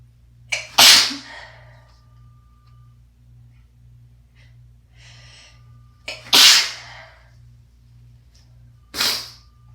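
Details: Sneezes from a person who is sick in winter, with asthma and a recent wet, chesty cough: three sharp, forceful, wet, congested sneezes, each with a brief intake before it.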